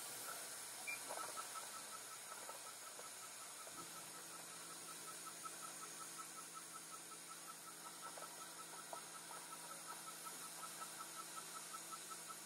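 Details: Dental laser frenectomy on a young girl to close the gap between her front teeth, using a Fotona Lightwalker Er:YAG/Nd:YAG laser. A steady hiss of water spray is heard with a rapid ticking pulse and a low hum as the laser fires.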